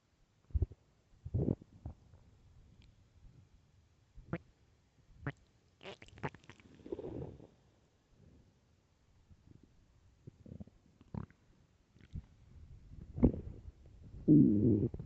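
Quiet room with repeated low gurgles and rumbles from the belly; loud bowel sounds of an empty stomach, a normal finding.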